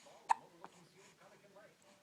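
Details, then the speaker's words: A baby with hiccups while a caregiver repeatedly asks if the baby still has the hiccups and whether they hurt. "do you have the hiccups do you have the hiccups yeah oh do they hurt do you have the hiccups yeah do you have the hiccup still do you still have them yeah"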